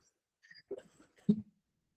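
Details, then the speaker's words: Adult man with a mild cold giving a short, soft cough of a couple of bursts with a throaty finish after speaking loudly, in a quiet room. "Sorry ചെറിയൊരു ജലദോഷം ഉണ്ട് കേട്ടോ ആവേശത്തിൽ ഒച്ച എടുത്ത് പറഞ്ഞതിന്റെ ചുമയാണ്"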